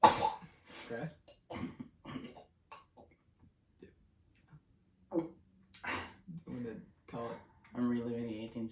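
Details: Cough from a person.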